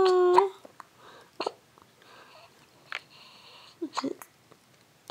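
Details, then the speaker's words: Baby girl with hiccups while smiling: brief, sharp, catching sounds recurring a few seconds apart in a quiet room. "you hate those hiccups huh what the heck are those huh"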